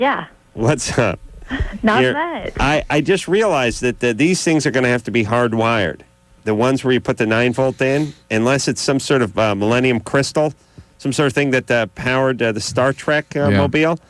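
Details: Adult male speaker, radio broadcast; normal speech.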